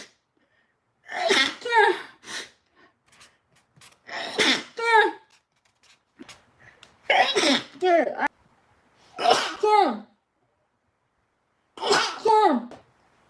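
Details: Young Japanese woman stifling sneezes: five suppressed sneezes, each with a quick gasping intake and a squeaky, held-back burst, spaced a few seconds apart.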